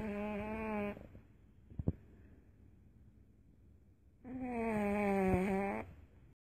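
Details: Snoring: two drawn-out, groaning, tonal breaths separated by a few seconds of quiet, with a faint click between.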